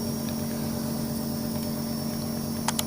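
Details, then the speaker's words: Suction machine running during tracheostomy suctioning with a 14 FG suction catheter, vacuum applied only on withdrawal: steady motor hum with a constant low drone, brief clicks near the end. "और उसके बाद vacuum pressure आपने अंदर डालते time नहीं बनाना, पहले release करें और फिर बाहर निकालते टाइम वैक्यूम प्रेशर बनाएं।"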